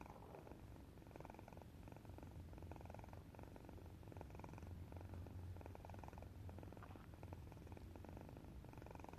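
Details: Sleeping cat snoring quietly: steady, soft, low rumbling with a fluttering texture through each breath, a normal sound.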